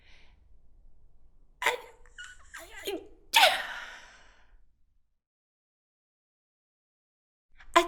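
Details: An adult woman sneezes, recorded as a stereo WAV on a Zoom H5 handheld recorder. Sneeze.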